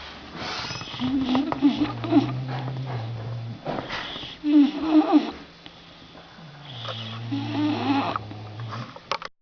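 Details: Sleeping bulldog: three snoring breaths at about 20 a minute, each a low snore with snorting, gurgling noise; flat-faced dog snoring.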